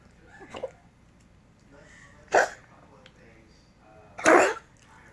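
Three short, harsh bursts a couple of seconds apart, the sound of a dog coughing.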